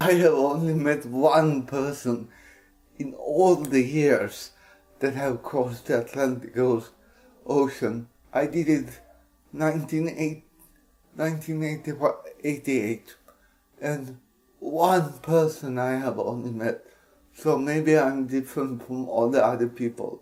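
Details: Dysarthric speech in an adult Swedish man with cerebral palsy, speaking English.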